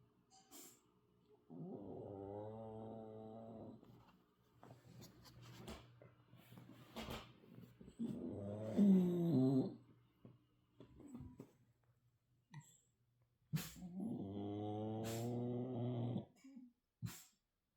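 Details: Dog named Willow snoring while asleep, which she does constantly; long, droning, slightly whistling breaths about ten a minute.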